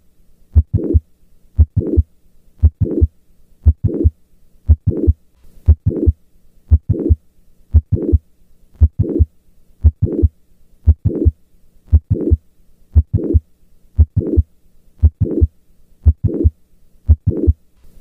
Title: MITRAL VALVE PROLAPSE - APEX | HEART SOUNDS | AUSCULTATION | MURMUR